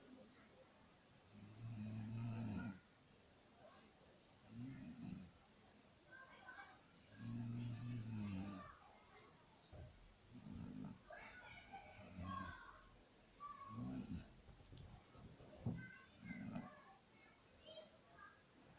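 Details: Loud, low rumbling snores on inhalation, about 10 a minute and somewhat irregular, with quieter breathing sounds between them; snoring.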